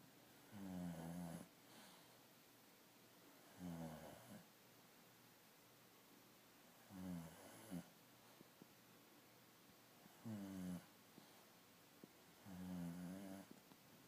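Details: Five loud, low, rattling snores, each about a second long, recurring roughly every three seconds, about 20 breaths a minute, over quiet room noise; snoring.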